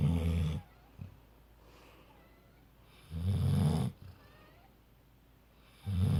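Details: Female yellow Labrador sleeping on the couch on a pillow, snoring loudly: low rumbling snores with each breath, about three in six seconds, separated by quiet pauses.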